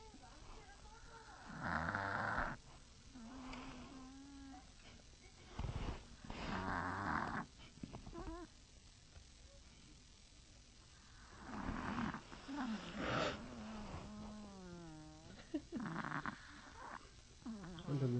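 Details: Sleeping Chihuahua snoring loudly: rough, rasping breaths repeating about twelve times a minute, with some whistling nasal tones.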